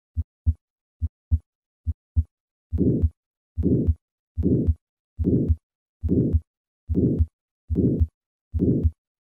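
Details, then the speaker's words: Regular heartbeat about 71/min; later beats carry a soft, short systolic rushing murmur of aortic valve sclerosis (thickened, calcified leaflets, normal motion, mild gradient), contrasted with significant aortic stenosis. "listen to the contrast between aortic valve sclerosis and significant aortic stenosis first aortic sclerosis"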